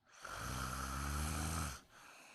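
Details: Woman snoring during a daytime nap: one long, loud, buzzing snore on an in-breath, then quiet; ordinary snoring, and she wonders whether she needs a CPAP mask.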